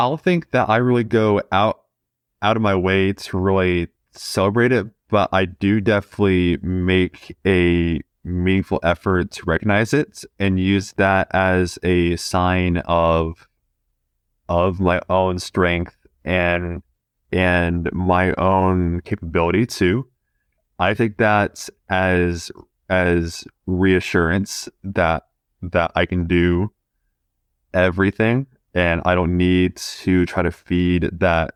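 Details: Stuttering in a 20-year-old man who has stuttered since about age two; repetitions are audible in this stretch.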